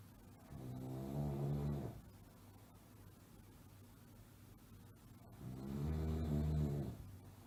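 Two low, rattling snores on breathing in, separated by a quiet pause; ordinary snoring.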